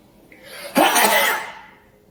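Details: Adult sneezing during a major allergy attack (at least 30 sneezes in an hour) in a cold, dusty lab, possibly with animal hair; rising in-breath, then one explosive, hissing sneeze in a quiet room.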